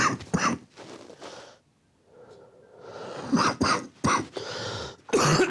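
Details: Adult man, former rugby player with a past broken nose and head injury, sitting forward and breathing through his mouth for chest auscultation: several loud, harsh cough bursts with noisy mouth breathing; exam found right-sided crackles and a pleural rub.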